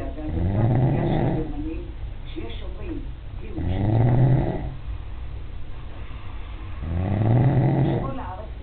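Three deep, rattling low-pitched snores on the in-breath, with quieter breathing between, about 18 breaths a minute. Ordinary snoring.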